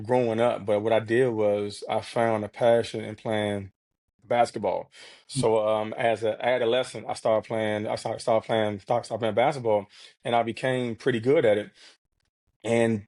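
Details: Stuttering in an adult man who has stuttered since childhood, speaking in a real podcast interview.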